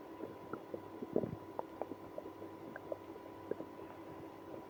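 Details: Stomach growling in a person with irritable bowel syndrome after drinking milk and prune juice. Scattered soft gurgles and squelching rumbles over a steady low hum: active bowel sounds, borborygmi.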